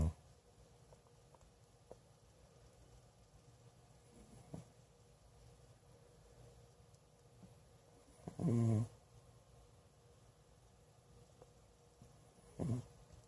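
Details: Old adopted cat snoring while asleep, which owner says often wakes them: mostly quiet room with two short, low buzzing snorts several seconds apart; intermittent snoring.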